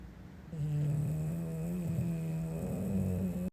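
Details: A female English bulldog snoring loudly in sleep: a low, continuous, vibrating snore with a steady buzzing tone.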